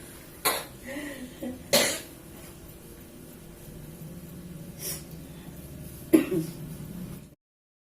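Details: Elderly person, tired and with aches, coughing during alternative traditional therapy; several scattered short coughs with throat clearing over steady room noise.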